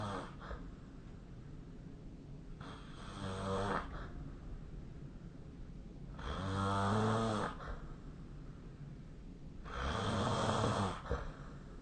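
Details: Snoring during sleep, recorded with a snore-tracking app: three loud rattling snores on the in-breath, roughly every four seconds, over low room noise.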